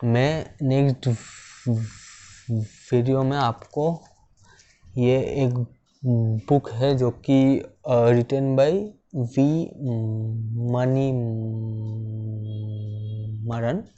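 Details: Man who stammers, speaking Hindi; stammering.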